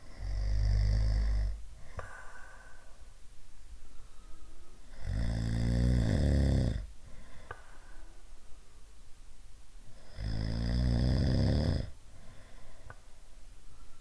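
Loud, low, rattling snores on inhalation about every five seconds, with quieter breathing between them. Snoring.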